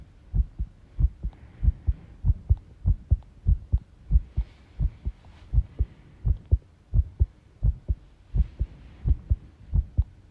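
Heartbeats around 88 a minute with uneven spacing between beats, suggesting an irregular rhythm; light rustling in the background.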